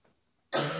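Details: Adult woman's cough changing from chesty to barking: one harsh, abrupt cough burst after a brief quiet breath, cut short. Barking cough.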